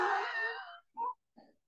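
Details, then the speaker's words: Stridor imitated in the throat by an adult EMT lecturer: a harsh, high-pitched crowing breath sound, demonstrating stridor from a narrowed upper airway. "that's coming from my throat but that's what it sounds like in here that's actually Strider which we'll talk about later"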